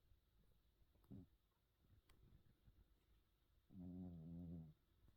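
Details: Sleeping, dreaming cat: a soft snort, then one brief, low, buzzing purr-like snore in a quiet room; gentle cat snoring.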